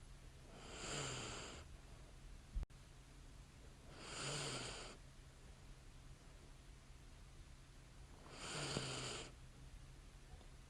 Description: Relax to the sounds of light snoring and breathing as a woman sleeps soundly in bed next to her scented candle.